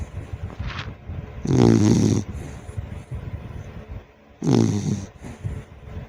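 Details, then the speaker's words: Pet dog about 6 months old snoring while asleep at home: two loud, rumbling snores about three seconds apart, with softer breathing between. "Maraming salamat po ito po ang another video na tulog at humihilik siya guys papakinggan ulit natin"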